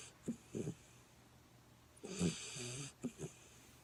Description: 11 week goldendoodle puppy snoring away on her dad's lap.